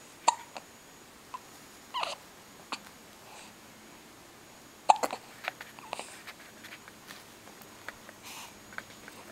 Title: December 07 hiccup 1.AVI